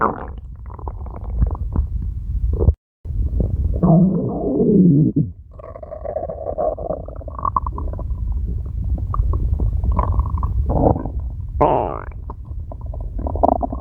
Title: Red Panda Owen being cute + Stomach Growls